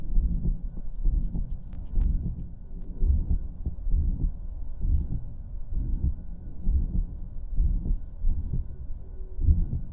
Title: Real Heart Murmur | Private Pulse (First Listen)